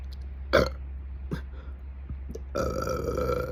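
Several short, throaty burps, then a longer gurgling one, over a steady low hum. Ordinary belching.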